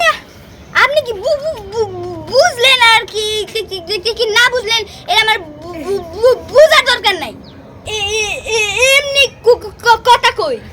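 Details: Acted stuttering by a male performer in a Bengali comedy skit who, in character, claims to have stuttered since childhood; stuttering (acted).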